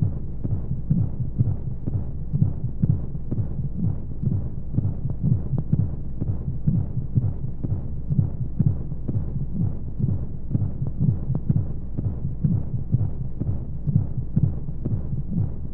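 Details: Womb sound for baby sleep: steady, muffled heartbeat thumps at a regular rate under constant soft rushing white noise and monotonous flowing sounds. Heartbeat.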